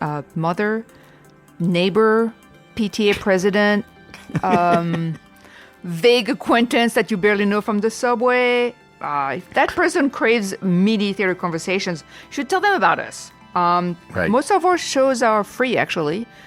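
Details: Adult speaker; ordinary speech.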